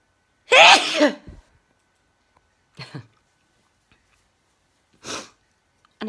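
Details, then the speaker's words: A person who felt a sneeze coming on gives one loud, sharp sneeze followed by two smaller sneeze-like bursts a few seconds apart. "Well, I felt a sneeze coming on and got my camera in time. But I think it was just a short one."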